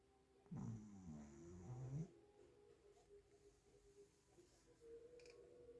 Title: La Kuki esta roncando...